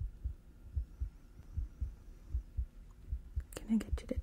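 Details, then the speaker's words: Simulated hospital role-play chest exam through a stethoscope: regular paired lub-dub heartbeats about 75 a minute, ending with soft rustling and whispers; chest sounds clear, normal heart sounds. "Your chest sounds clear."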